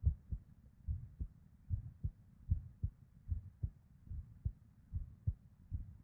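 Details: Female with an irregular heartbeat: low heart thuds at about 73 a minute with uneven spacing and occasional early beats (PVCs/ectopics), plus a soft whooshing murmur of blood flow between them.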